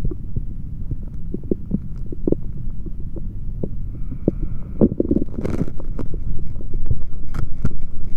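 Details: Male stomach sounds recorded with a stethoscope after drinking a chocolate protein shake: steady low rumbling with frequent gurgles and soft clicks; active bowel sounds, normal digestion.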